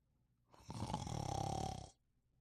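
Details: Snoring during sleep: one loud, rough, rattling breath noise about a second long between quiet pauses; a single snore.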